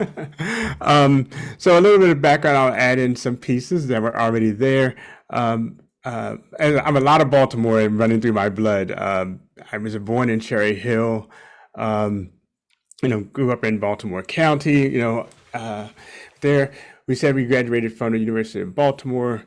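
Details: Adult man speaking; normal fluent speech.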